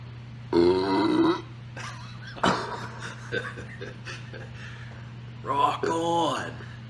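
Three loud, drawn-out voiced belches over steady room hum, with faint background talk between them.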